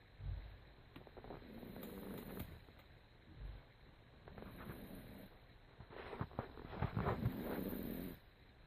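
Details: Snoring during sleep: soft rhythmic snoring with rattling breaths in and out, some louder snorting bursts toward the end.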